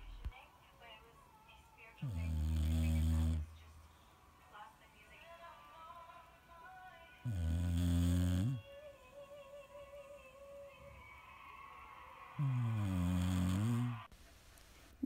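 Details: English bulldog snoring in its sleep: three loud, low, rattling snores about 5 seconds apart, roughly 12 a minute, with faint music and room sound between; snores reported to get really loud.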